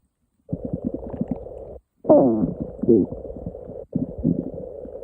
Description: I woke up one morning, and my stomach was going crazy! Taken a listen~